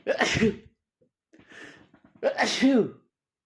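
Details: Male trying to stifle sneezes: two forceful sneezes, each a sharp voiced burst, with a quieter breathy sound between them.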